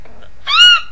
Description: Okayy, just so everyone knows, these are my actual hiccups. I don't know why they're so squeaky but whatever.